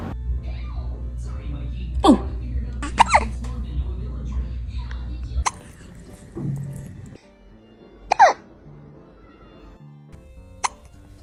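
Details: Small male cat with hiccups: several brief, sharp, hiccup-like clicks a few seconds apart, with speech and music in the background.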